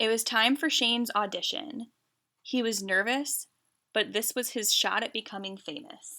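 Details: Adult woman; normal speech.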